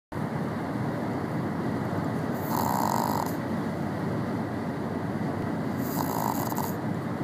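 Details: Shih Tzu with chronic snoring, asleep in a car on a long road trip: low rumbling snores over steady car engine noise.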